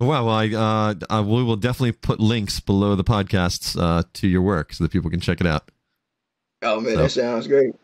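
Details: Adult male speaker; normal speech.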